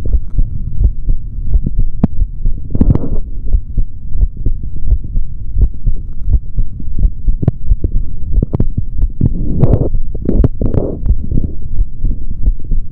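Loud low thumping heartbeat through a stethoscope, around 85 beats a minute, with rustling and handling noise over it.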